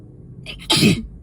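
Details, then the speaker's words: Adult who is sick and in a dust-triggered sneezing fit, also wheezing, sneezing repeatedly: a single sneeze, a brief in-breath hiss then a sharp, loud voiced burst. "oh I feel more that definitely feels like I'm gonna sneeze again like that and again"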